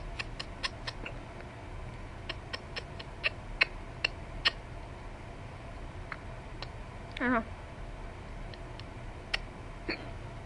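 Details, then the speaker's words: Repeated short, sharp clicking catches in a quiet room, with one higher squeaky vocal sound partway through, during a long ongoing bout of hiccups; hiccups. "stop hiccuping. Dude, these are long hiccups."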